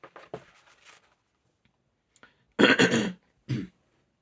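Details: A few soft throat-clearing sounds, then two loud, harsh cough bursts from an adult woman with a cold and sore throat, in a small, quiet room.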